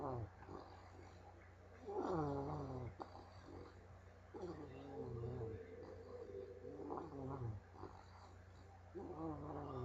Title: Lily the bulldog snoring